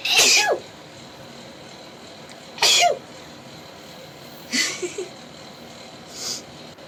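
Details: Girl sneezing rapidly: four sharp sneezes in quick succession, each a hissing burst with a brief voiced tail, over steady background noise.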